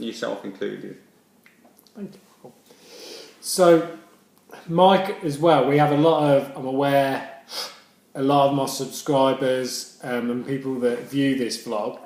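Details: Adult male speaker; stammering.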